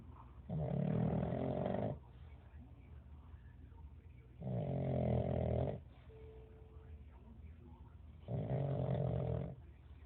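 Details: Pug snoring loudly: loud, regular rumbling snores about every four seconds, roughly 15 a minute.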